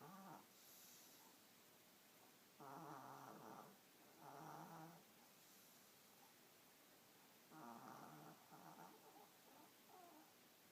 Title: Snore Puppy!